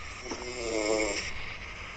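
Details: Sleeping person snoring, recorded by a companion: one rattling, fluttering snore on an in-breath, with steady hiss in the background.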